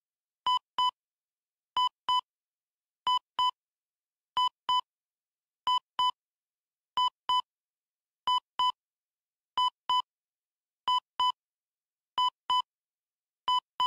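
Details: Steady, evenly spaced paired electronic beeps from a heart monitor, about 23 pairs a minute, used as a relaxation sound.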